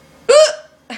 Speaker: and this is hiccup's part two just to let you know because i have hiccups again i don't even know why i have oh yeah cause i was laughing at the editing so anyway my hiccups are pretty bad